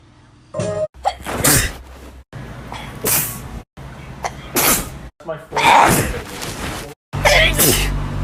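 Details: A run of forceful, sharp explosive sneezes with brief breaths between, over faint background music; sneezing.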